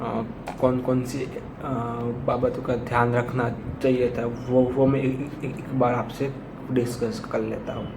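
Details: Man who stammers, early reading sample from before 60 days of practice exercises, with facial shaking while speaking and most difficulty on vowel-initial words; stuttering.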